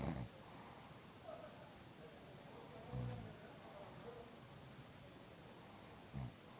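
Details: Adult woman (wife) snoring during sleep: low, rough snores about every three seconds, roughly 20 a minute, over room noise.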